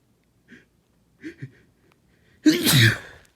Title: Itchy Wet Sneezing